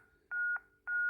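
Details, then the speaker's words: Steady repeating electronic beeps from the green flashing metronome of a ZOLL M2 defibrillator during chest compressions, pacing a target rate of 100 to 120 per minute. "we have our green flashing metronome with the audible sound"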